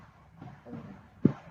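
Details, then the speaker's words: Two hollow percussion taps over the right lung apex in the supraclavicular fossa, patient looking to the left, give a normal resonant note; physiology practical demonstration. "i have to purpose so you it will be resonant once again this is clavicle about that supraclavicular okay this is resonant"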